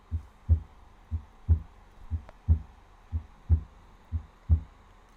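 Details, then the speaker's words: Simulated normal heart sounds on an auscultation simulator, regular two-part beat about 60/min with normal first and second sounds, heard at mitral, aortic, pulmonary and tricuspid auscultation points: normal. "клапан легочной артерии и в точке выслушивания трикуспидального клапана здесь была норма"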